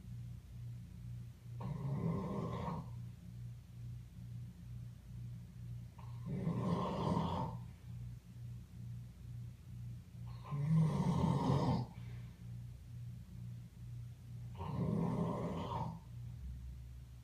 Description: Can anyone tell me what kind of animal makes these kinds of noises in its sleep?